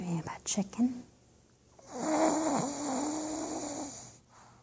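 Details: Pug dog snoring loudly while owner tries to wake it: a long buzzing rattling snore after brief soft talk nearby.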